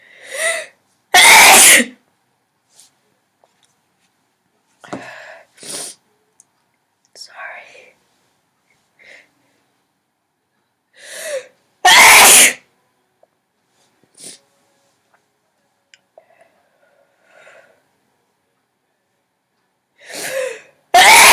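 Three loud, explosive sneezes, each preceded by a sharp in-breath, separated by quiet breathing and small sounds; plain sneezing.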